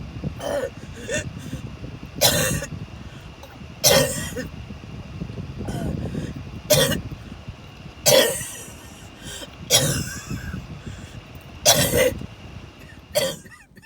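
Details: About nine harsh cough bursts with strained breaths between, over steady car noise, recorded on the way to the hospital/ER during a series of coughing attacks; coughing fits.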